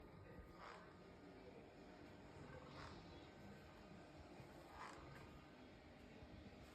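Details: A sleeping St Bernard dog snores softly, with faint rasping breaths about every two seconds over a low, steady background rumble.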